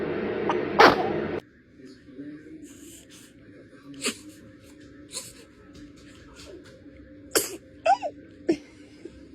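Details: Young girl in a rapid sneezing fit: a forceful sneeze, followed by small sniffs and clicks against quiet room noise.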